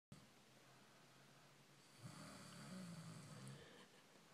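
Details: Stud snoring: a single low, rough, rumbling breath sound over steady room noise.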